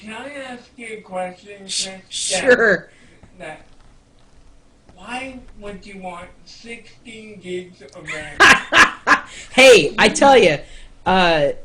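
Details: 32-year-old man with cerebral palsy speaking in real conversation; dysarthric speech in cerebral palsy.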